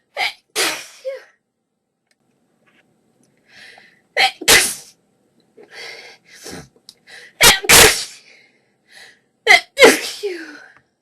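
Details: A sneezing fit: a run of sharp, explosive sneezes in close succession, with a few short cough-like bursts and small gasps between them.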